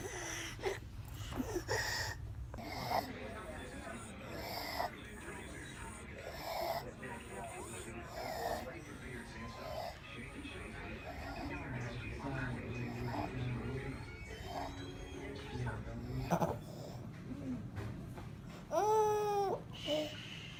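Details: 17-month-old boy with croup, later admitted to hospital: harsh, high-pitched crowing inspiratory stridor on each breath in.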